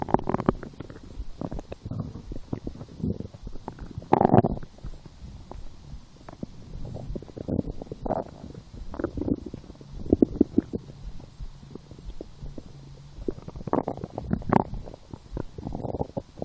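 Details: Hunger-related stomach growling (borborygmi) while lying down, after skipping breakfast, a small lunch, and two doughnuts four hours later: irregular gurgling, bubbling and rumbling from the belly.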